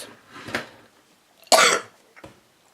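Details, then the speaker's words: A few separate harsh coughs with quiet gaps between them from an adult with a cold, feeling unwell in the chest. "sorry about the coughing luck guys but no you can see I'm not too good in myself in my chest"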